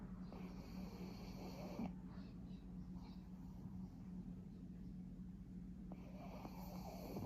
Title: Pug snores 💤 #pug